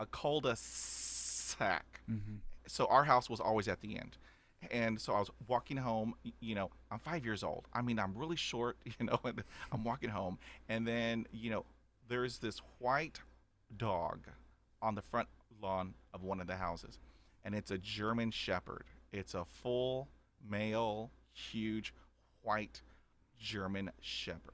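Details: Adult man who has stuttered since age five, onset after a dog attack, about 80% fluent after 20 years of speech therapy, still with repetitions and blocks: stuttering.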